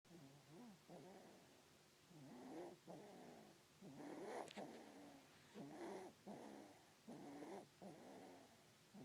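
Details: Sleeping baby snoring: soft, rattly, rhythmic breathing, about one breath every one to two seconds.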